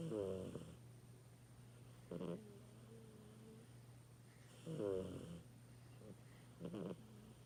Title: Mini snores